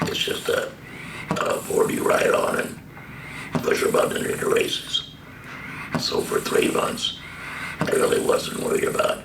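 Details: Adult man, laryngectomy for stage III-IV squamous cell carcinoma of the false vocal cords diagnosed March 2015, speaking via tracheoesophageal puncture valve through a stoma with HME filter; tracheoesophageal speech.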